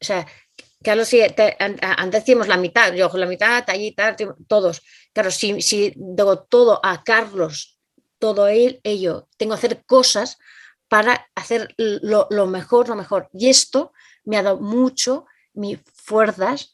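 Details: Adult Spanish-speaking woman with aphasia caused by a stroke some time ago, acquired brain injury. Finding: aphasia.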